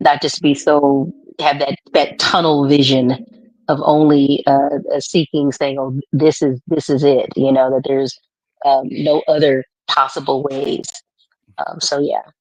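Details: Adult male author with a lifelong stutter, ten times worse in childhood, worse when excited or relaxed at home; here concentrating to control it; stuttering.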